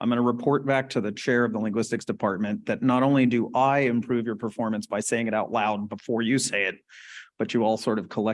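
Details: Adult male lecturer; normal speech.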